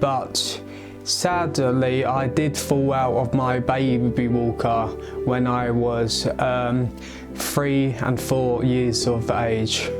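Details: Adult male who has stammered since age eight, which he links to a skull fracture from falling off a baby walker at age three or four; worse under stress or around people; has had speech therapy and an intensive stammering course; stuttering.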